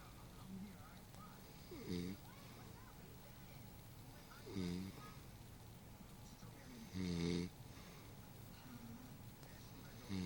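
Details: Woman snoring while asleep: three loud, rough, low snores about 2.5 seconds apart, with quiet room noise between.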